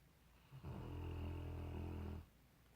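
A single loud, low, rattling snore lasting over a second on the breath, then quiet. Snoring.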